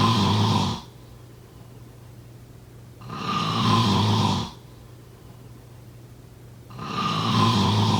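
Steady, loud rumbling snores, each lasting about a second and a half, with a low room hum between. Snoring.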